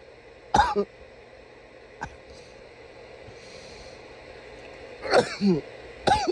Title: some loud coughs